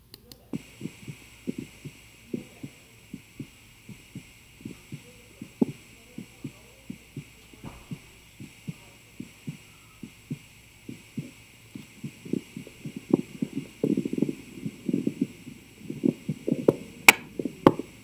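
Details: Self-recorded with a digital stethoscope on the chest: a steady heartbeat, then breath sounds join in as a Valsalva strain begins.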